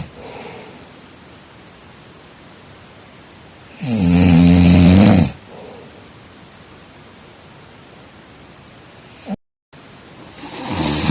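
A single loud, rough, low snore lasting over a second, then quiet breathing and the start of another; typical snoring.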